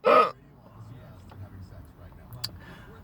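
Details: Single sharp, abrupt hiccup, then quiet breathing and room noise, one of a run. Persistent intractable hiccups since December 2015, with breathing and choking spasms and erratic stomach sphincter control; cause undetermined.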